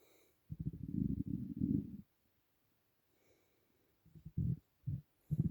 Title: Empty Stomach rumbling